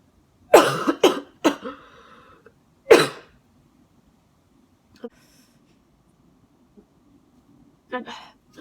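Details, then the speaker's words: Several loose, harsh coughs in a burst, then softer throat sounds in a quiet room, from a person recovering after being bedridden with flu the previous week and now feeling much better. "this is literally because I had the flu and I was literally bedridden"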